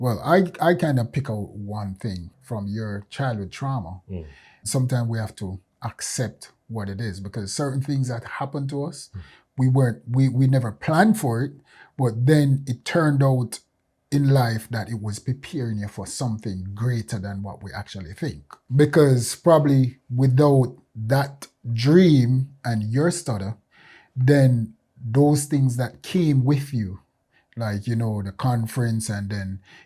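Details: Adult male speaker; normal speech.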